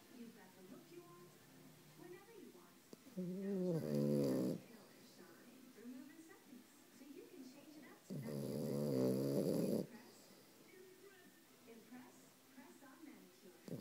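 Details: A female puppy snores during her usual afternoon nap. Two long, rattling snores are heard with quiet, murmuring breath sounds between them.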